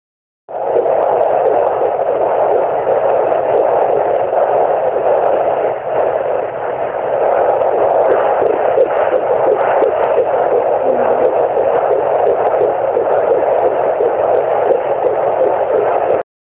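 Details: Fetal heartbeat on Doppler, first heard: continuous whooshing with fast, soft pulsing under steady hiss.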